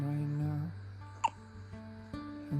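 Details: A newborn baby gives a brief, sharp hiccup, possibly followed by a faint second one, over loud background music; hiccups.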